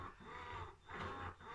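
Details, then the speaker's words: Ameda double electric breast pump running at full suction and full speed: rhythmic low mechanical whirring rising and falling in cycles, described as quite noisy. "pump go in and again it's quite noisy and I always put on full suction and full speed"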